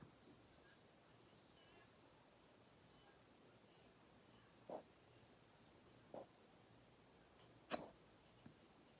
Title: Hiccups/sexy hiccups